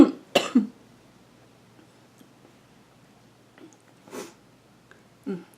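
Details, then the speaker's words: Adult singer with mild vocal fold swelling from a family cough, previously pneumonia: brief coughing fit of three sharp coughs then softer spaced coughs, irritated upper airway. "sorry I just had another really bad coughing fit so earlier today when I was singing when I probably shouldn't have been singing because it tends to exacerbate the situation it irritates my upper respiratory"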